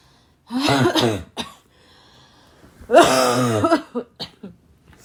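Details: Girl with a raspy, barking cough: two harsh, rough coughs with throat clearing and small follow-up coughs.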